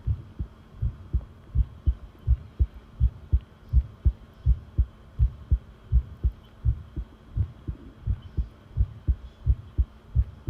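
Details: Long heart sound recording of a pounding heartbeat: steady, regular beat of about 80 per minute with strong low thumps over a faint hum; normal heart sounds.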